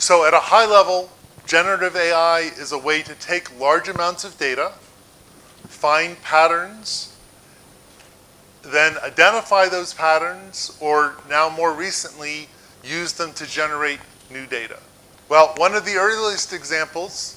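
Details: Adult man speaking; normal speech.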